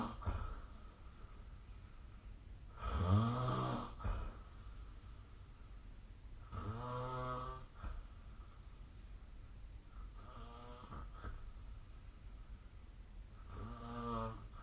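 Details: Snoring during sleep, recorded with a snore-tracking app: four rumbling snores at regular intervals, about 16 breaths a minute, over a steady background hum.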